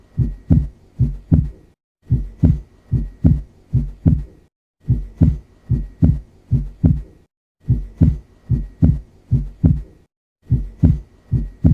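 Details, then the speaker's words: Stethoscope auscultation of regular, paired lub-dub heart sounds at about 74 beats per minute: normal heart sounds. "So these are the Normal heart sounds which you are listening right now"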